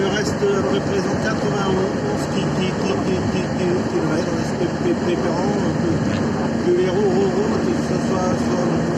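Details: Adult man who stutters, speaking French; he says his stuttering worsens when recalling a stressful workplace period around 2004. Stuttering.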